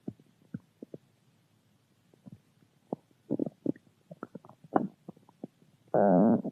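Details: Stomach growling recorded while drinking juice: irregular low gurgles and squelches, ending in a louder sustained gurgling rumble; normal bowel sounds.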